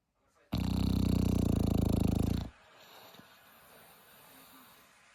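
One loud, buzzing two-second snore from a sleeping dog, followed by quiet room sound; ordinary harmless snoring.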